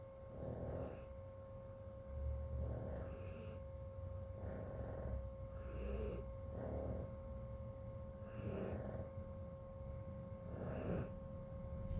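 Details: Pet dog snoring softly and regularly, about 30 breaths a minute, over a steady electrical hum in a small room; snoring.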